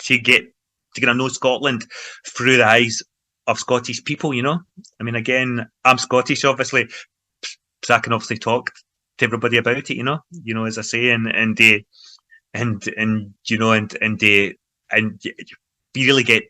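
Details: Adult man involved in stammering self-help groups for over 25 years, in everyday conversational speech; stuttering (stammering).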